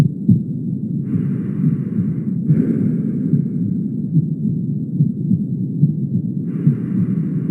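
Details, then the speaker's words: Mitral stenosis: low heart sounds in a gallop-like pattern, which is actually the second heart sound followed by an opening snap, mimicking a third sound, with a rumbling diastolic murmur. "noten que ahí se escucha como si fuera un galope no en realidad lo que están escuchando es el el sonido número dos con el con el chasquido de apertura"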